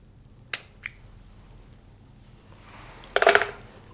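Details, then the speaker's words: Capillary fingerstick for blood glucose in an adult patient, middle or ring finger, after cleaning and inserting the meter strip; sharp snap as a spring-loaded lancet is twisted and fired, then brief handling noise; reading 132 after a big meal. "Then I'm going to twist. And I'm going to make my incision."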